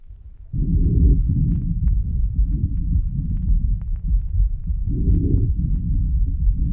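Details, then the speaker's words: Normal breath sounds: the infant respiratory pattern replayed before asthmatic recordings. "Antes de escuchar la grabación de niños asmáticos, escuchemos otra vez el patrón respiratorio en la infancia."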